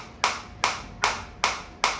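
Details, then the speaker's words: Sharp, regular snapping clicks from a focused shockwave therapy applicator on a hand as intensity rises and frequency auto-drops from 180 to 150, nearing maximum level 13; shockwave therapy applicator firing. "जैसे ही आप intensity को और बढ़ाएंगे। देखिए 180 से 150 आ गया। क्योंकि वो जिस इंटेंसिटी पे आप एनर्जी डिलीवर कर रहे हो फ्रीक्वेंसी उसको अपने हिसाब से एडजस्ट करके आपको मैक्सिमम फोकस एनर्जी जो है वो डिलीवर करेगी।"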